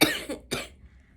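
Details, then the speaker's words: Cough from an adult who says they caught the flu. "Oh, that is not going to sound good on audio. Um, as you can hear, I caught the flu when I went back home. I got the flu."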